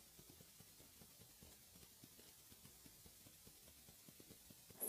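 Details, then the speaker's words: Korotkoff sounds, faint regular soft taps over hiss at about 130 a minute, heard by stethoscope as the cuff deflates from 180 mmHg at 2–5 mmHg per second during resting blood pressure measurement in a seated patient. "the first sound that you hear will be your systolic blood pressure as you continue to listen the last sound that you hear will be your diastolic pressure"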